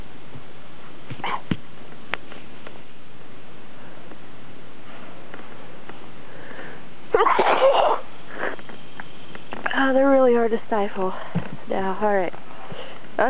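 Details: Person deliberately stifling sneezes: a series of suppressed, muffled "KRSHSCHHHH" sneezes with sharp sniffs between them instead of open "achoo" sneezes; stifled sneezes.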